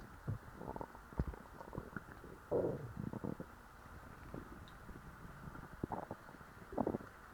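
Irregular gurgling rumbles and squelches from the belly; ordinary stomach growling after a large meal.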